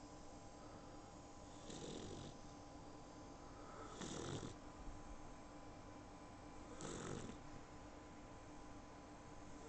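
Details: Sleeping puppy snoring, very tired after her first bath, recorded on an iPhone: three soft, rumbling snores about every two and a half seconds over steady room hum.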